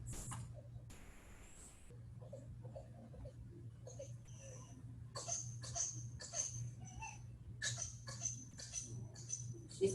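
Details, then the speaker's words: A paediatric patient with whooping cough (pertussis) has a paroxysm: a rapid run of short coughs without breaths between them. She turns cyanotic around the mouth as oxygen levels drop, with monitor alarms beeping over a machine hum. "o you'll hear her get into a coughing fit the lights aren't perfect in here you can actually start to see her she starts to get cyanotic around her mouth and you can hear the alarms that she's hooked up to the monitor start to go off because her auction levels are dropping down so much"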